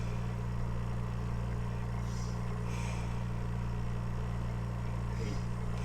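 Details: Steady low motor hum with faint rhythmic pulsing and occasional soft hiss from an oxygen concentrator (93% purity, adjustable flow, with a timer) running after being switched on, feeding an incubator; oxygen concentrator running.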